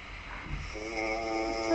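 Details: Snoring from a sleeping man: a single rough, rising snore with a buzzing tone during sleep breathing.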